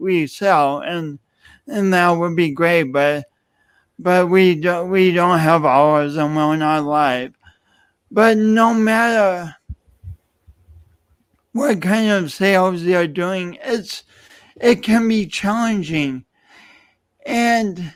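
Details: Adult man speaking; speech impediment with word repetitions and prolongations.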